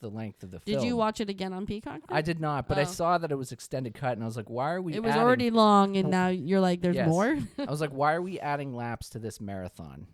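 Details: Adult speakers in casual conversation; normal voice.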